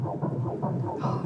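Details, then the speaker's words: Normal fetal heartbeat on a late-pregnancy ultrasound Doppler: fast, regular whooshing pulses with a good, regular rhythm; the fetus is head-down, back on the left, and weighs an estimated 2.2 kg. "Ok, on a un bon rythme, bien régulier. Quand j'entends les battements du cœur, voilà, ça me noue."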